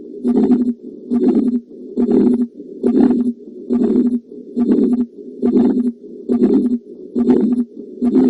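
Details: Heart murmur.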